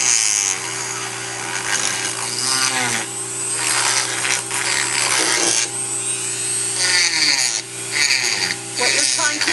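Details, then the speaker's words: Steady motor whine with gritty grinding bursts and a hum beneath as a soaked plaster dental cast is ground on a wet model trimmer at moderate speed to remove excess plaster blocking occlusion. "you do not ever want to turn this on high you want a moderate speed and what you'll want to do is to just grind on the stone"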